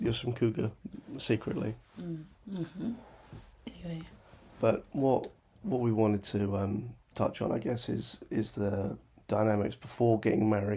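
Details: Adult man speaking; normal voice.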